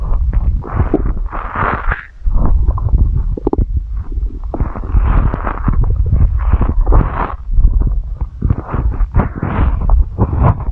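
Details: Loud, low gurgling and rumbling bursts with squelchy bubbling, recorded close up: ordinary stomach growling (borborygmi) from gas and fluid moving through the gut.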